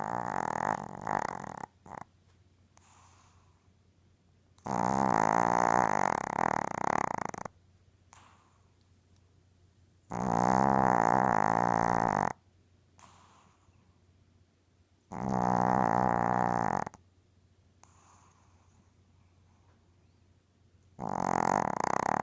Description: My mom's 6 lb, 2 year old Yorkie snoring away. Happens every night.